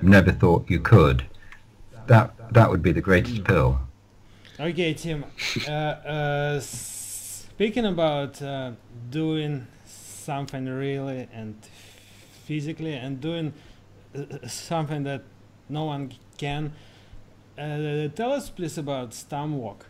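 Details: Lifelong stammering (stuttering) in an adult male, managed with prolonged speech and relaxation techniques.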